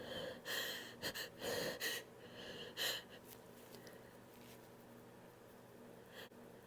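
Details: Several sharp, hissing unstifled sneezes in quick succession, then quiet room noise, from a compilation of three sneezing recordings.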